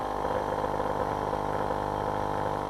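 Steady buzzing compressor hum of a nebulizer running with its baffle left out, so the kit fails to produce proper mist.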